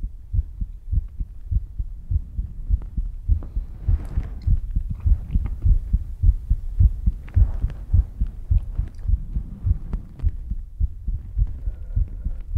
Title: ASMR Left~Center~Right Around You , heartbeat Sounds ❤️